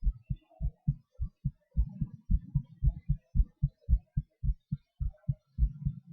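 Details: Own heartbeat recorded during breathholds and panting (hyperventilation); regular low lub-dub heart sounds at roughly 110 a minute, fast but steady rhythm.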